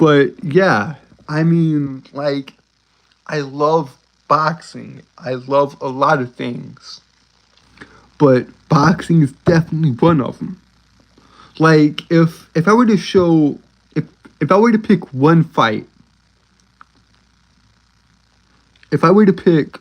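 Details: Male streamer with a self-described uncontrollable speech impediment, getting stuck on words starting with s, especially when excited: stuttering.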